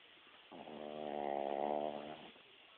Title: Snoring dog